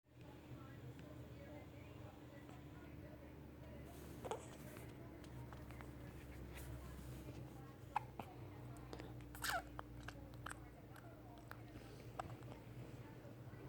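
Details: Infant with hiccups during feeding while sucking on his middle finger: soft, brief clicking gulps every few seconds over a quiet room hum; infant hiccups.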